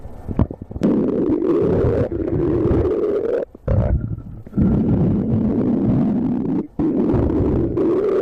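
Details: Stomach growling heard up close: loud, continuous low rumbling and groaning with a few short breaks.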